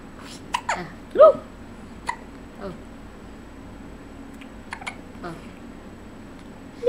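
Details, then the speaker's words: A baby boy with hiccups: short, abrupt little sounds break into quiet baby noises over a steady room hum. "ये हिचकी कब बंद होगी?"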